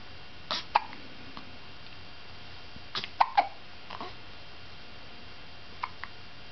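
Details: Short, sharp, irregular hiccups in a quiet room, roughly 20 per minute, several spaced over a few seconds; ordinary hiccups.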